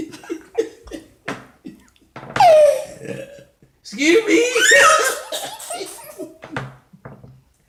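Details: A toddler and grandfather in a playful burping contest: loud, drawn-out belches between short vocal sounds and laughter; burping.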